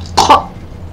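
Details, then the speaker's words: Adult coughing during a recording session: two quick, dry cough bursts in close succession over a low steady background hum. "got a little bit of a cough this recording session"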